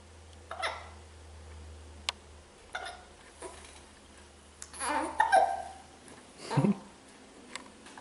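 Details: Hiccups in a child during a tough bout: several short, sharp gulping hiccups a few seconds apart, with quiet vocal noises in between.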